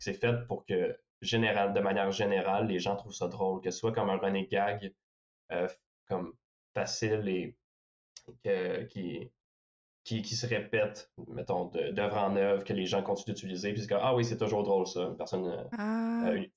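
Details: Stuttering in a young French-speaking man who reports mostly silent blocks and sometimes short repetitions.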